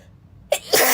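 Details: A quiet pause, then a sharp in-breath and a loud, noisy release from a girl, a single sneeze.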